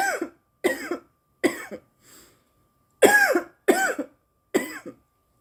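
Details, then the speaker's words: Girl with irritant cough after breathing in too much smoke: a bout of about six harsh, voiced coughs in quick succession with a brief gasp between them. "oh my God oh my God there's still tons of smoke in there it's because I breathed in too much air before I pulled it out"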